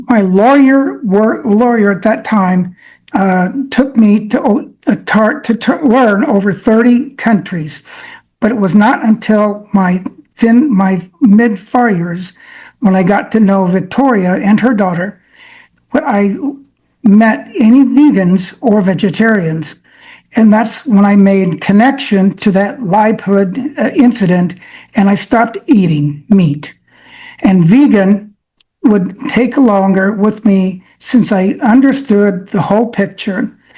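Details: Adult man with aphasia affecting brain centers, reading prepared remarks because speaking is harder; aphasia.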